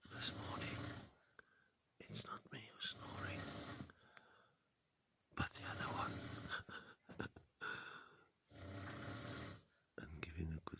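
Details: Person snoring: loud, rough, rattling breaths in irregular bursts with quiet pauses between, in a small room; typical snoring.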